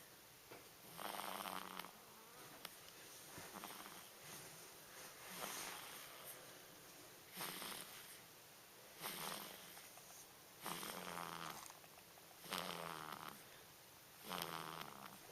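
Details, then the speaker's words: A sleeping newborn baby makes soft, rhythmic snoring noises with each breath, about 33 a minute; newborn snoring. "That's our son, snoring away."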